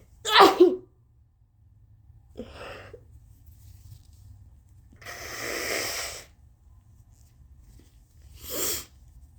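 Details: Person who had meant to blow their nose: three forceful sneezes separated by quiet breathing, the middle one long and breathy, over a steady low hum; sneezing.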